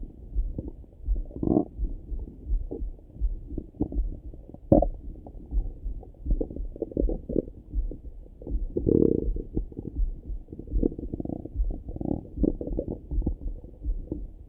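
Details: Person's own morning stomach rumbling through a stethoscope: frequent irregular gurgles and low rumbles, normal active bowel sounds (borborygmi).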